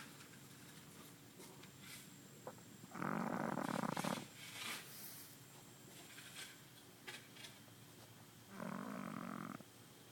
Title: Pug Snores in Grass